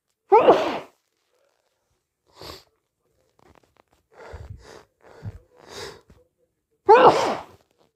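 Two forceful, wet sneezes with quieter sniffing and nose-blowing between them. These are hay fever sneezes, brought on deliberately.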